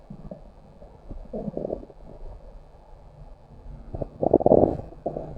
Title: Stomach growl